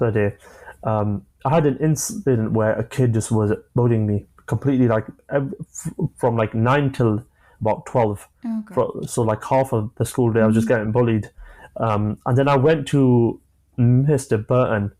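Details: Adult man, 25, with a stammer since early childhood (onset at about age 5-6, after an asthma attack), who manages blocks with breathing techniques and pausing; stammering.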